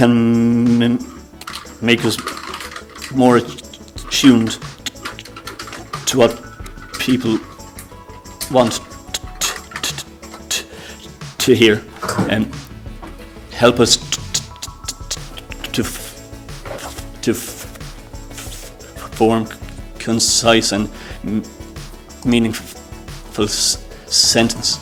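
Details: Adult who stammers, speech with long blocks, pauses between words and word repetitions; stuttering.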